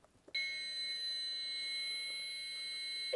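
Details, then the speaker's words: AED charging tone during a two-rescuer adult CPR demonstration for healthcare professionals, after rhythm analysis and before "push the shock button, shock delivered": steady high-pitched electronic tone signalling shock readiness. "AED: Push the shock button. Shock delivered."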